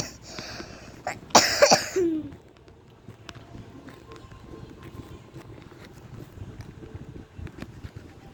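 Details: Short cluster of two or three coughs, then quiet room noise, from a person who says they are currently sick; coughing.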